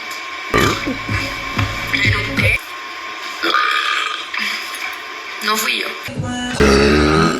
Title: Burp Compilation